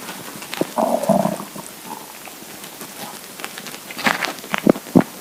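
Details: Hungry empty stomach rumbling: gurgling, bubbling rumbles with a few sharper pops from the belly; borborygmi.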